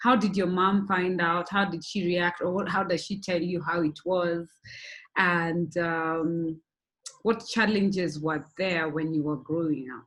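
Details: Adult woman speaking; ordinary speech.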